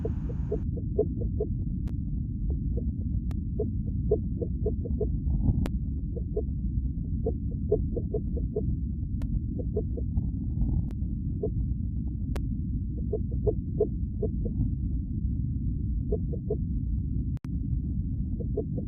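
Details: Rapid, regular whooshing pulses over a heavy low rumble, a fetal heartbeat on Doppler.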